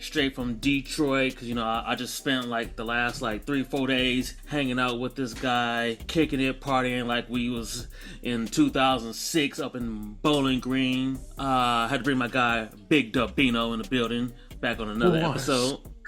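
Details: Adult male speaker; Normal voice.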